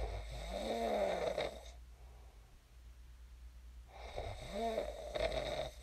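Two long, buzzing, fluttering snores with a quiet pause between them and a low hum in the room. Snoring in sleep.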